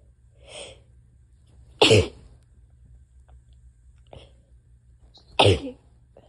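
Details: Person's harsh, desperate, barky sneezes: two explosive sneezes, each preceded by a soft intake of breath, brief word between; forceful sneezing.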